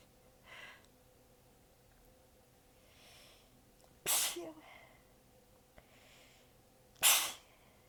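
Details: Two sharp sneezes between faint breaths and stifled sounds, weak and partly held back because the sneezer was exhausted with sore abs, during a prolonged sneezing fit recorded as several joined clips.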